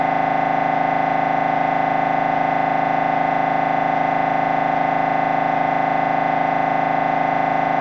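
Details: Loud, steady, rapid buzzing pulses, about 158 a minute, with a constant droning tone: knocking drone of an MRI scanner recorded during a brain scan.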